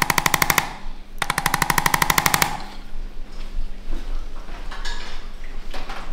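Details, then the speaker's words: Chiropractic percussion adjusting instrument stimulating troubled vertebral roots under infrared light, in a pole dancer treated for sacrum/tailbone and pelvis pain: two bursts of rapid, even mechanical tapping with quiet room noise between. "फिर, मैं एक इन्फ्रारेड प्रकाश डालूंगा और इस छोटे से आघात उपकरण से उन कशेरुकाओं की जड़ों को उत्तेजित करूंगा जो कठिनाई में थीं।"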